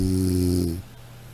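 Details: Sound-effect recording of snoring: a single loud, buzzing snore that stops abruptly.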